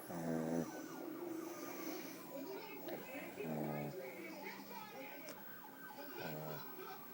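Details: Rough, vibrating snoring, three snores about every three seconds over background noise, from either a sleeping dog or a man; it is unclear which one is snoring.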